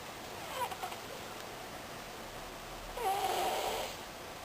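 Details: Snoring likened to a whoopee cushion: a soft rattling snore on a breath in, then room hiss and a longer, louder snoring breath a few seconds later.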